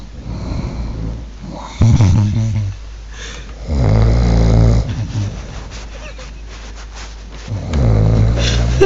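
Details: Heavy snoring in a snore contest: loud, deep, rattling snores at irregular intervals, about three in nine seconds, over steady room hum.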